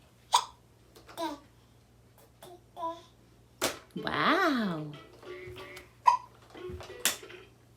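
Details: 10.5-month-old infant girl with hiccups while babbling: several short, abrupt catches interrupting vocalizing.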